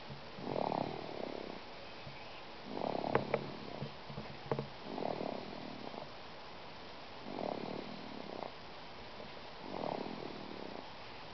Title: snores!